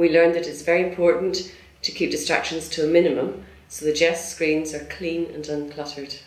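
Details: Adult male narrator; Normal speech.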